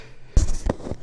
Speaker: Ooh, I'm gonna sneeze.